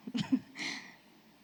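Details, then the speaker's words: Expiratory wheeze on lung auscultation, from a clinical lecture: brief high-pitched dry, whistling rales heard on breathing out after a short pause, arising from small bronchi. "Наступне – це є візіс або візінг. Які ви чуєте на видосі. Сухі, свистячі хрипи. Трошки з паузою такою."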